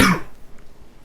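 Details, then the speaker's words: Teacher recording a science lesson on microorganisms: a single short cough at the start, fading into a quiet room; the teacher apologises for coughing. "Cikgu minta maaf ya, cikgu batuk. Ganggu kamu nak dengar video."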